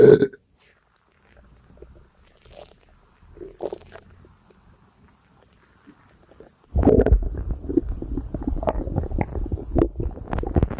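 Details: Person's belly after a light breakfast: faint low gurgles giving way to loud, continuous churning and bubbling rumbles; ordinary digestion sounds, stomach rumbling.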